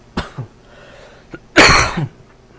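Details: An adult gives a short run of dry, hacking coughs with brief pauses between bursts while playing a video game; dry cough.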